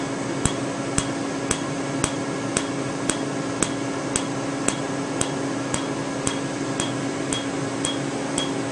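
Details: Sharp snapping clicks about twice a second over a steady hum from a Candela Tri-Vantage Q-switched 755 nm alexandrite laser treating the green part of a tattoo.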